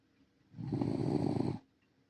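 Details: Senior rescue Shiba Inu dog asleep: one soft, fluttering snore about a second long in a quiet room; snoring.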